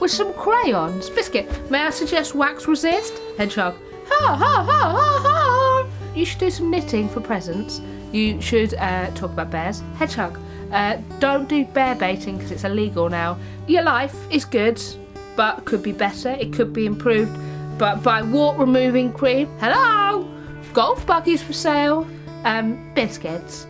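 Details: Woman with Tourette syndrome; interjected vocal tics such as 'Biscuit', 'Hedgehog' and 'Golf buggies for sale' occur within her speech; vocal tics (Tourette syndrome).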